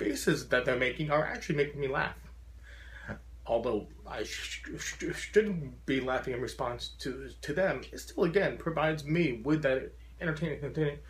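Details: Adult man with a very severe stutter since childhood who says he still stutters profoundly and wears a SpeakEasy in-ear device when speaking to groups; stuttering.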